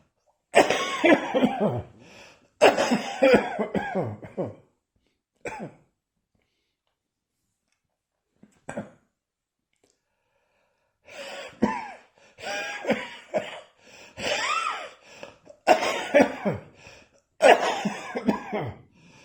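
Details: A cough that has returned: repeated bouts of harsh coughing with throat-clearing sounds, separated by brief quiet pauses.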